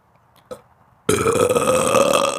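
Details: After a brief quiet moment, one loud, drawn-out burp lasting over a second; burping.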